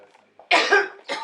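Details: Chronic cough in an adult woman patient: two sharp, harsh cough bursts.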